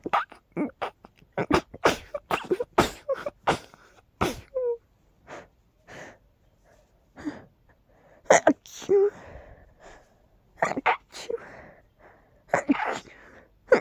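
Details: Seasonal pollen allergy with tickly, stuffy nose; a rapid string of many sharp sneezes with small sniffs and breaths between bursts.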